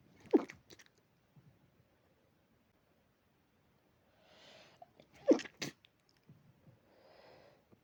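Two short, sharp sneezes from a dog with soft sniffing and breathing between them; the sneezing is linked to allergy.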